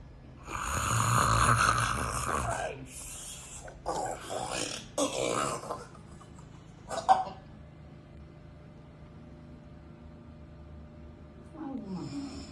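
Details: Mother snoring while asleep: long, loud, rattling snore followed by several shorter snorting breaths, then quiet.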